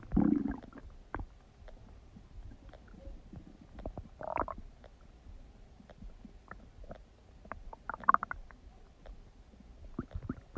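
Scattered gurgles, squeaks and low rumbles from the belly over a soft background; ordinary digestive noises.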